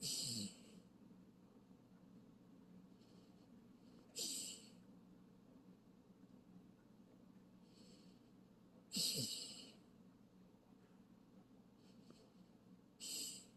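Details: Chiweenie dog in deep sleep snoring: noisy hissing, snorting snore on each breath, about 15 breaths a minute.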